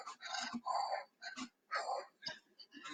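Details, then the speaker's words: An adult imitates quick, short, effortful breaths in rapid succession to illustrate chronic dyspnea (shortness of breath) in COPD, where patients are always short of breath when moving around. "then they chronic dyspnea dyspnea is the medical term for shortness of breath so they're just always short of breath right moving around and"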